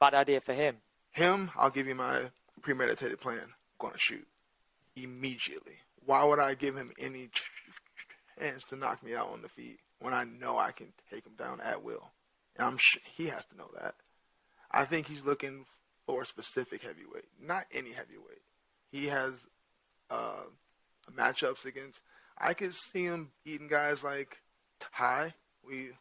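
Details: Adult male with stuttering present since childhood, which he says is hereditary (his father also has a speech impediment) and not caused by CTE; he says he largely got over it by around age 27–28.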